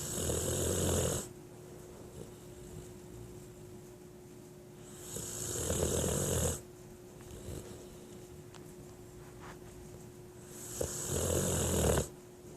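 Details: Loud rattling snores on each breath in, about 11 a minute, with quiet pauses between; ordinary snoring.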